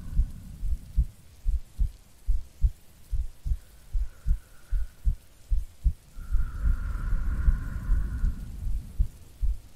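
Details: Woman's normal heartbeat in a sleep-aid ASMR recording with no talking: steady low thumps at about 76 a minute, with rain and a rumble of thunder behind.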